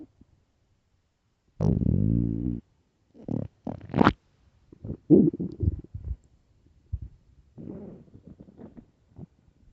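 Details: Extremely loud morning stomach growls: loud, long gurgling and rumbling bursts with quiet gaps; normal borborygmi.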